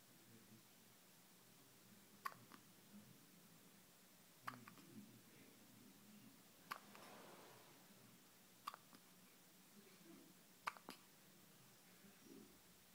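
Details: A 9-day-old newborn hiccups five soft, sharp times about two seconds apart in a quiet room; hiccups.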